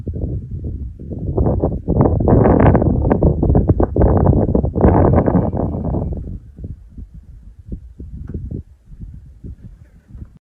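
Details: Adult male lion (Topi male) snoring while asleep in the Masai Mara, recorded 14 November 2025: deep, loud rumbling breaths several seconds long with rattling texture, quieter breaths between.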